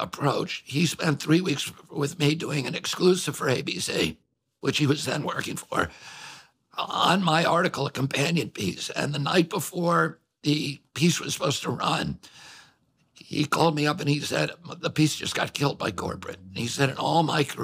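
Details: Adult male with spasmodic dysphonia, a vocal condition whose effects are said to be noticeable; spasmodic dysphonia.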